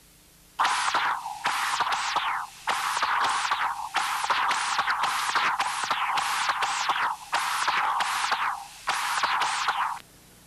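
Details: Continuous wave Doppler across a mitral prosthesis: loud rhythmic whooshes, each beat pairing forward flow with an equally strong backflow signal, indicating severe prosthetic mitral regurgitation.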